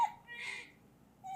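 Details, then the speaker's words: Baby with upper-airway acute respiratory failure: brief high-pitched, harsh whistling noise at the end, laryngeal inspiratory stridor from a narrowed upper airway. "Esse barulhinho no final é o estridor laríngeo, tá?"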